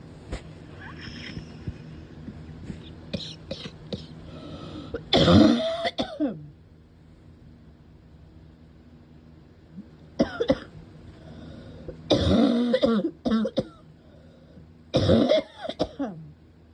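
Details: A person who cannot stop coughing has another attack of a bad barking cough: loud, harsh barking coughs in bursts with quieter throat clearing between.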